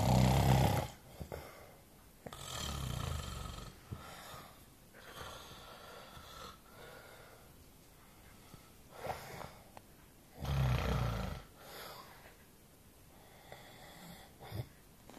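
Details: Man asleep gives loud, low rattling snores in bursts with quieter breathing between them, in a small quiet room; snoring.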